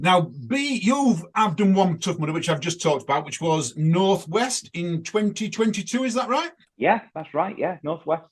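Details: Adult speakers in conversation; normal speech.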